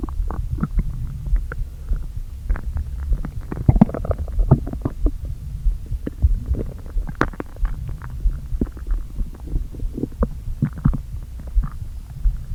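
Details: Stomach noises after not eating all day, with the stomach deliberately inflated a little: continuous hollow rumbling with many gurgles and clicks as gas moves through the empty gut; borborygmi.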